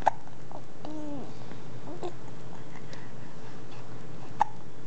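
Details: Infant hiccups during time on a Boppy pillow: two clear, brief, sharp hiccups about four seconds apart, with soft babbling and a steady background hum.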